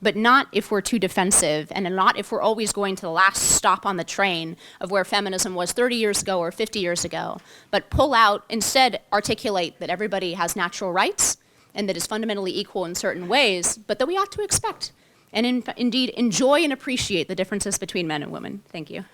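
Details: Adult woman speaking; Normal speech.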